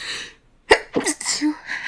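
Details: Woman, recently sick and more sensitive than usual, tries to hold back sneezes: a sharp indrawn breath, then one explosive sneeze, then brief voice.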